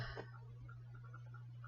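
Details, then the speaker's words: A single short, dry cough or throat-clearing burst, then quiet with a low electrical hum, from an adult with several days of coughing, sneezing and a dry, raw throat, suspected in hindsight to be Covid. "my throat dry it's been hard with coughing coughing and sneezing I'm all red and raw you can probably hear it"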